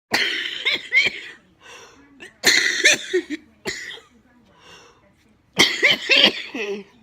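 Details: Jill, with cystic fibrosis, in week two of IV antibiotics and starting steroids for chest tightness: three bursts of harsh, wet, repeated coughing with gasping breaths between; productive cystic fibrosis cough.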